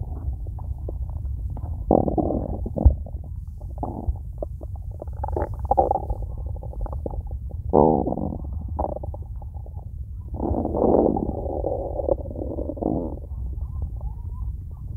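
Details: Low gurgling and rumbling bursts from an empty stomach, nothing eaten yet that day, over a steady low hum; ordinary hunger growling (borborygmi).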